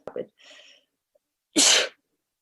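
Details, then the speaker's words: Person having repeated sneezing bouts while filming, about to blow their nose: a brief voiced intake, then a single sharp, hissing sneeze burst. "Okay, hopefully I stop sneezing. I'm going to blow my nose. I'm sorry, guys."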